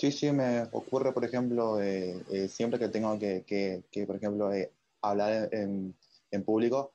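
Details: Adult man speaking Spanish; stuttering.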